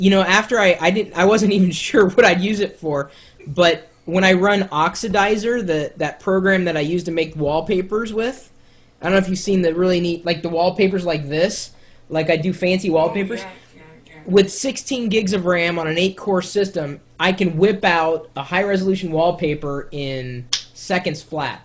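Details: Adult male speaker; conversational speech.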